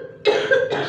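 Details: Coughing from a patient with shortness of breath and cough during a ruqyah healing session, with clapping, music and recitation around it: cough.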